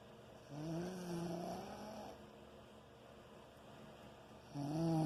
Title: Can't sleep because of snoring